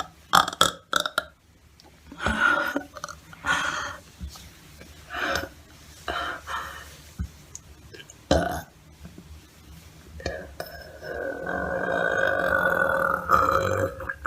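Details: Repeated loud burps, some short and one long drawn-out belch near the end, in a small room; burping.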